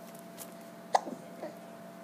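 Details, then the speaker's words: Baby who gets hiccups every time he smiles, hiccuping after laughing: a single short, sharp gulping catch with faint breathy sounds after it, over a steady room hum. "इतना सच हंसाना रे, इतनी जल्दी हिचकी आ गई."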